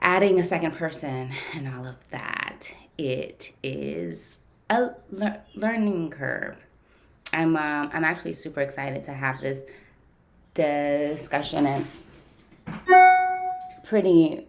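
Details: Adult woman who stutters, with usually silent blocks, speaking during a live session with her speech-language pathologist, whose therapy she says has gradually helped her speech; stuttering.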